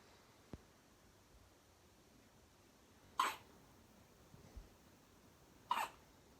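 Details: A newborn weighing 5 lb 1 oz, asleep and having first hiccups, with two brief, abrupt catching sounds about two and a half seconds apart in a quiet room; hiccups.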